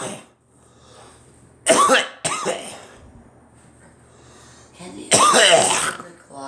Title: Me coughing